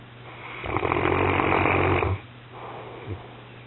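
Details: Pyrenean mountain dog having an afternoon snooze: a long, rough, rumbling snore on the breath in, then a softer breath out; snoring.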